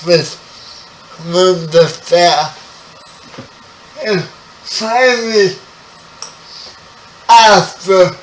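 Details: 30-year-old man with spastic quadriplegic cerebral palsy, born 11 weeks premature; his speech is affected by the condition. Spastic dysarthria.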